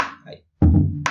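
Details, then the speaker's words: Teaching demonstration with drum instruments, not a real patient: a deep thump quickly followed by a second, brighter hit, very close together, after normal R1–R2; split first heart sound. "Ese sería un desdoblamiento del primer ruido cardíaco."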